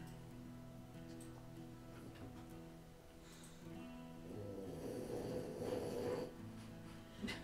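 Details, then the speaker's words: The smallest dog in the room, asleep during a live painting stream, gives a huge, loud snore that is clearly picked up on the audio. "oh you could hear it on the audio that was a huge snore you don't need a great mic to pick up that kind of sound doesn't take much"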